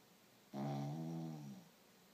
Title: Dog snoring while sleeping